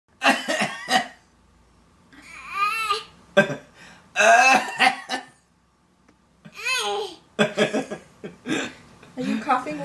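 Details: 16-month-old toddler imitating grandfather's cough: short, voiced cough-like bursts and squeaky babbling.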